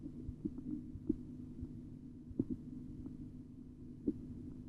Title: BP Measurement Auscultatory Tutorial 4